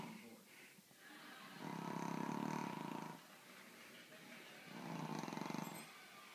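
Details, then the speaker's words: Loud snoring from a sleeping flat-faced Brussels Griffon–Pug cross dog: two long, rattling noisy breaths in about six seconds, loud enough to drown out the TV. "Like a wildebeest snoring."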